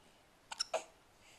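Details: 11-week-old, pulling a pooping face: three quick, soft hiccup-like sounds in a quiet room, the last one loudest; hiccups.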